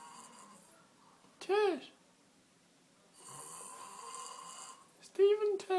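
Loud vibrating snore sounds with a rising-falling pitch, separated by softer breathing; snoring during sleep.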